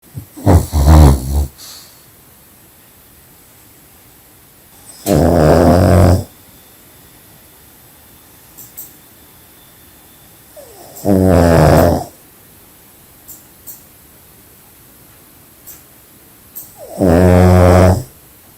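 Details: Pug (flat-faced dog) snoring extremely loudly: loud, rough, deep snores recurring about every six seconds, roughly 10 a minute, in a quiet room; heavy snoring.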